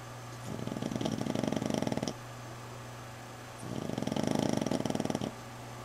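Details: Sleeping dog recovering from fight wounds, with drains in her arm, snoring loudly enough to wake her owner and sometimes worse: two long, fluttering, rattly inspiratory snores about two seconds apart.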